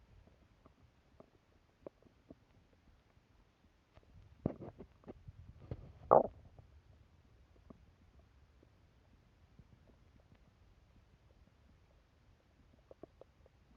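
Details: Hungry stomach gurgling: low gurgling rumbles lasting several seconds in a quiet room; hunger-type bowel sounds.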